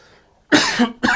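Two abrupt, harsh cough bursts from an adult after a brief quiet moment.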